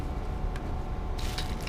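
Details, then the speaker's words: Steady low droning hum of a nebulizer's small air compressor just switched on, before the tubing and medication canister are attached; normal running sound of a nebulizer. "nebulizer fancy word for a baby air compressor on and off button here this is where you plug in your tubing you turn this on it'll make that noise"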